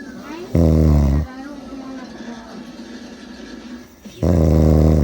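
Loud, deep, rumbling snores on breathing in, with a quieter stretch between them, from a sleeping man.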